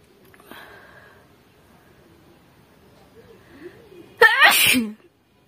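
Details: Female performing an acted sneeze for a sneezing challenge: faint room sounds, then one loud, explosive sneeze with a sharp intake and a burst of air; sneeze.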